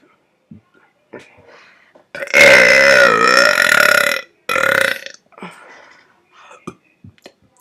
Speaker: This is going to be my first burp video in 4 months, at least. That's some power.